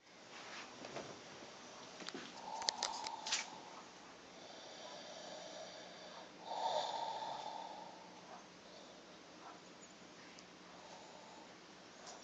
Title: The Darth Vador Snore